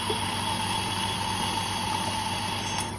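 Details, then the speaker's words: Yuwell 7E-A portable phlegm suction machine switched on, suctioning water into canister through cannula: steady mechanical hum and whir of the pump with airflow noise; normal suction device operation. "Now we are switching on the device. You can see the head start suctioning. You can adjust the flow and see canister has started water filling."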